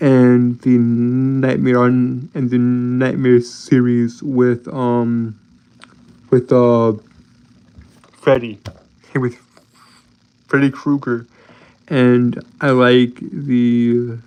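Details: Adult male with a lifelong speech impediment that makes him stutter and trip over his words, heard stuttering in casual talk; stuttering.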